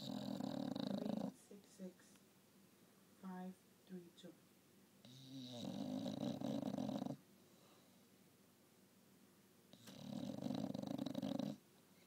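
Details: English bulldog napping: three long, loud rumbling snores with short quiet gaps and small snuffles between; heavy snoring from a flat-faced dog.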